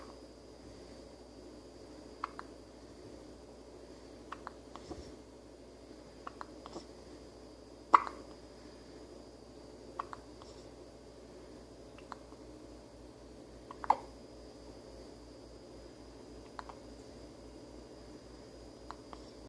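Short soft clicks repeat unevenly, roughly ten a minute, over quiet room noise: infant hiccups.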